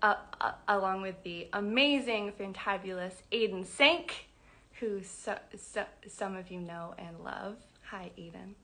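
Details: Adult woman who describes herself as a person who stutters, speaking spontaneously; stuttering.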